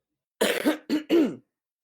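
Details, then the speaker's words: A deliberate, demonstrated "safe" cough into toilet paper held at the mouth: three quick, voiced bursts with a throat-clearing quality, not illness-related. "You hear that right there? That was safe. That's not corona-related. It was very intentional."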